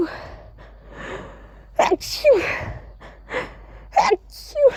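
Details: Deliberately voiced "achoo" sneezes: several sharp sneezes, each preceded by a quick gasping breath in and spoken as "achoo"; ordinary sneezing.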